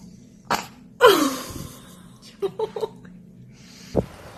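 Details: Single infant sneeze: a sudden sharp burst from a baby, followed by small voiced sounds and a faint click.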